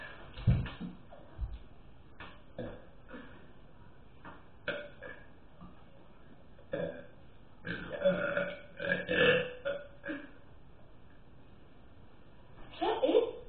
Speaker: It's like 4, and I want to burp a lot, and this is how I burp.